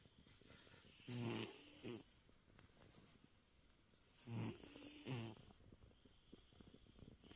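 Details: Sleeping cat snoring after a long day at the vet getting stitches: two rough, snorting breaths in and out, spaced a few seconds apart.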